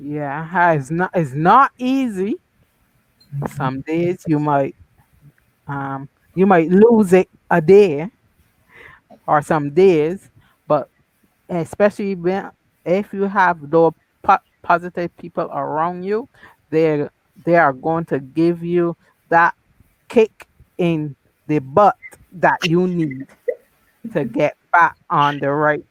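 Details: Woman who had a massive haemorrhagic stroke at 34 in September 2017, leaving right-sided paralysis and speech loss, then an ischaemic stroke in December 2018 and a TIA in 2019; some words still not recovered; aphasia after stroke.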